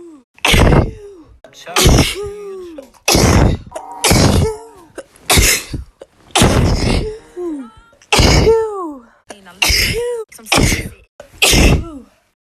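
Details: Ten forceful, explosive bursts in quick succession, each ending with a brief voiced sound, edited together: repeated sneezing.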